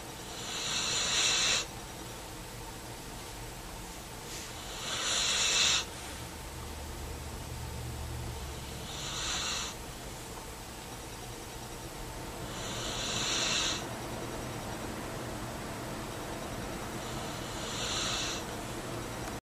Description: Bubba the dog snores, a little, while sleeping.